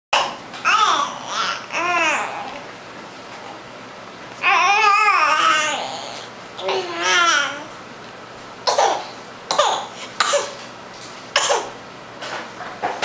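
A young child babbles and squeals, then gives about four short, dry coughs that may be put on.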